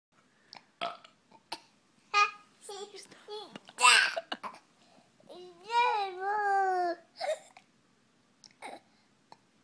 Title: Bro burping like honey boo boo